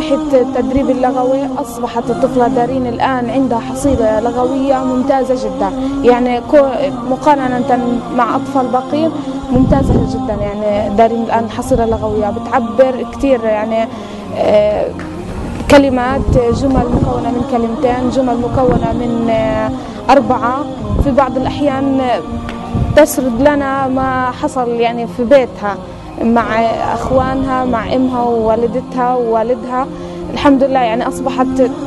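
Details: Adult woman (teacher) speaking Arabic; typical adult speech.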